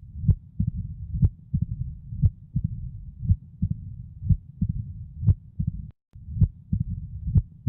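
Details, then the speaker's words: Mitral stenosis in a patient who grew up in Mexico: loud S1, relatively quiet systole, S2 then an extra sound (opening snap), and a rumbling diastolic murmur that gets louder right before S1. "S1 is the loudest sound you hear systole is relatively quiet then there's S2 an extra sound and then a rumbling diastolic murmur that gets louder right before S1"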